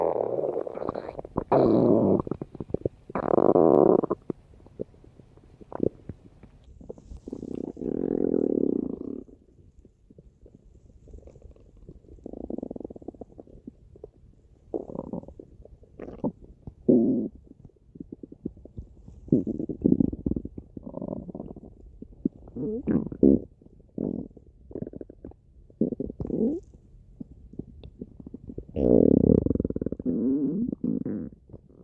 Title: PomPom’s stomach rumbling